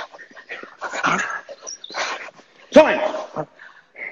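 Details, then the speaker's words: A dog coughing during a home workout: a run of harsh, breathy coughing bursts with a brief whine-like note between them. "That is my dog coughing, by the way, not me. Yeah, I can hear that."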